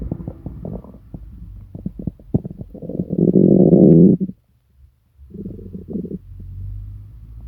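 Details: Stomach rumbling (borborygmi) in a person sick for several days with stomach pain, diarrhea and nausea: deep gurgling growls and bubbling rumbles with a short quiet gap.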